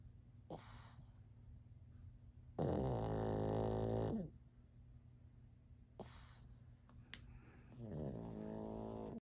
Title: cute pug hibernate in winter. Snoring with eyes open